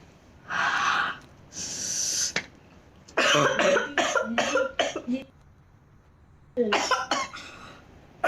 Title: girl coughing